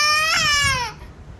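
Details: Baby crying while refusing to drink bottle milk and being stopped from pouring it onto the bed: single sustained strong, clear cry falling in pitch and fading.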